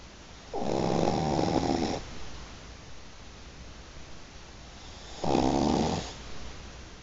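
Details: Person napping, snoring: two loud, rough, buzzing snores about four and a half seconds apart, with quiet breathing between them.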